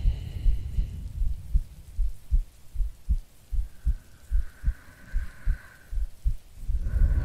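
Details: Steady soft heartbeat thumps, about 77 a minute, from an ASMR creator playing a sleepy girlfriend, recorded as a sleep aid with rain and distant thunder behind; normal heartbeat.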